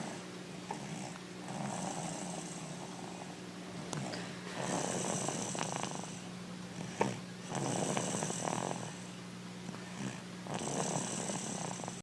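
Slow, rough, rattling breaths during sleep, about three in twelve seconds; snoring.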